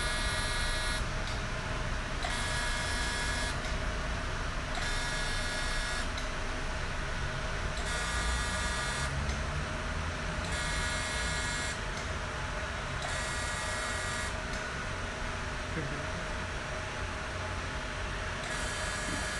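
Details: CO2 fractional laser firing across the full face of a patient wearing safety goggles, creating micro-injuries for open pores, skin tightening and acne scars; repeating buzzy tonal bursts about once a second over low machine hum: laser in operation.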